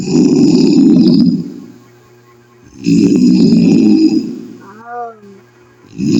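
Loud, harsh, rumbling snores on each breath in, about one every three seconds, with a brief voiced sound between; heavy snoring.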